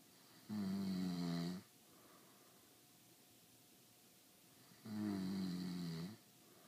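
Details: Adult husband snoring: two loud, buzzing snores about four seconds apart, each over a second long, with a faint room hum.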